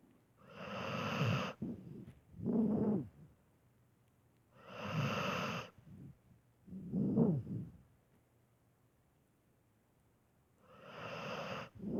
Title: My dog snoring while sleeping for 88 seconds straight ●3●